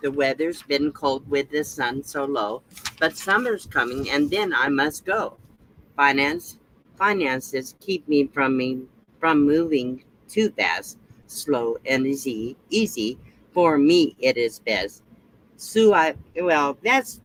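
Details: 72-year-old woman reading aloud after a recent second stroke; her first stroke about 7 years earlier also affected only her speech. Words won't come, with repetitions and stumbling: aphasia after stroke.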